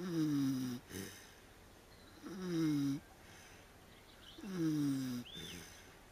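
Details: Pig snoring during an afternoon nap in a puddle: droning, slightly whistling snores falling in pitch, about 27 a minute, each followed by a short snuffling breath out.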